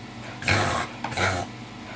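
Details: Dog reverse sneezing episode: two loud, harsh snorting pulls of air.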